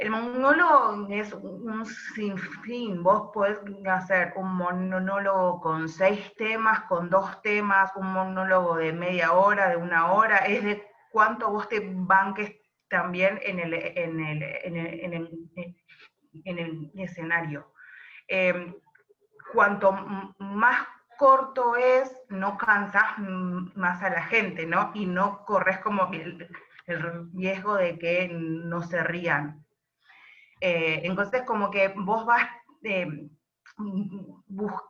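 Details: Adult woman who stutters and performs stand-up comedy: stuttering.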